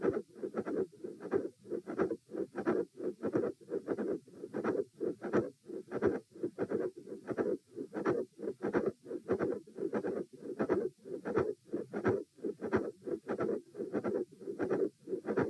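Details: Repeat heart-sound stress test at position E: lying, sitting, standing, then lying again, heart rate 84-96-114-78 bpm; midsystolic murmur with click and fixed split S2.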